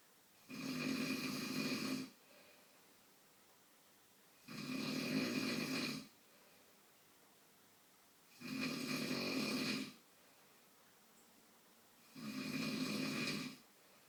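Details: Father snoring during sleep: four loud, rough snores at steady intervals, about 16 per minute, with quiet pauses between.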